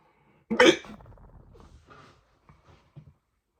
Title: Hiccups are so loud